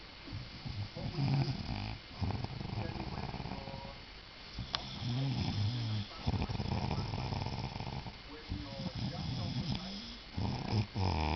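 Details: Very loud snoring: deep, rattling snores on each breath, about 15 a minute, with some noise in the room.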